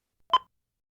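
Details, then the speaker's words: A HeartStart MRx monitor/defibrillator gives a single brief periodic electronic chirp with a blinking red X: a low-battery alert meaning the device still works but has limited operating time. "indicate a low battery condition the device can be used but its operation time is limited"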